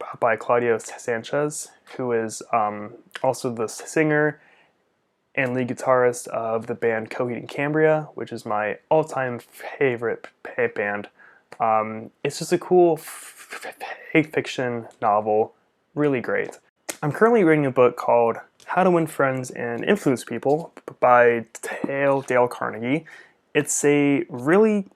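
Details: Stuttering in an adult male speech-language pathologist who uses upper-body jerks as secondary behaviours and also has Tourette's syndrome with facial, jaw and neck tics; his father also stuttered.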